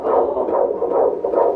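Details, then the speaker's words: Rapid, regular whooshing pulses of an early fetal heartbeat, about 150 a minute, heard at the first ultrasound with music behind; due date February 28, 2024. "That's the sound of your heartbeat in"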